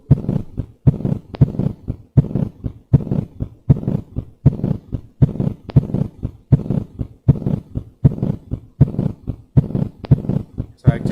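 Regular heartbeat near 80 a minute, each beat followed by a low extra sound and a brief rumble; third heart sound with short mid-diastolic murmur.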